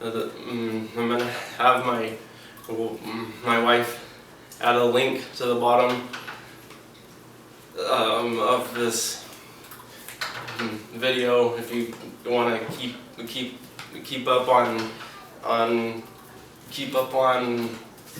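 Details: Stuttering in a 28-year-old man, starting only after medication-induced tardive dystonia (with akathisia) that also causes facial twitching; he never stuttered before the dystonia.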